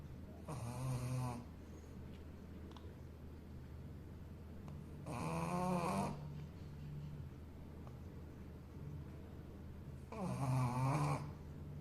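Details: Sleeping Shih Tzu dog snoring: rhythmic rattling, buzzy snores at about 12 breaths a minute over steady room hum.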